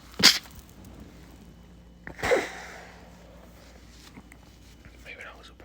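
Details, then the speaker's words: Two sharp muffled nasal and mouth bursts with quiet room noise between, from a man trying to stay quiet while sneezing after using a burning irritant, getting harder to stifle; stifled sneezes. "Such a mess on that one. Like, this shit's burning my entire fucking feet. I see they're getting harder to stifle now."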